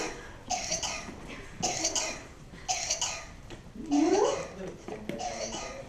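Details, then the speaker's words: Simulated paramedic training scenario: an acted 4-year-old girl with a runny nose and a cough that began a few hours ago gives a run of four harsh coughs with a rising breath, imitating the paroxysmal cough of whooping cough (pertussis). "i believe she's having like a whooping cough and we cannot you know give her anything out of that"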